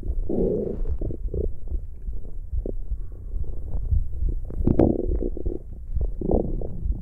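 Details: ASMR recording of stomach growling: low, rolling gurgles and rumbles with bubbling pops throughout, ordinary borborygmi from gas and fluid moving through the gut.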